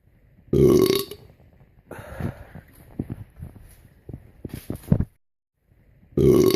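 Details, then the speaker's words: Loud belching after drinking a bottle of soda: two loud, short belches with softer rustling and clicking sounds between them. "That there should be a air freshener of a belch. We definitely need one of those. That was a good enough belch for an air freshener."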